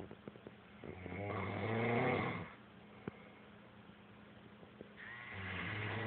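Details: Loud snoring: one loud, rattling snore on an in-breath, a quieter stretch, then the start of the next snore, with room noise in the background.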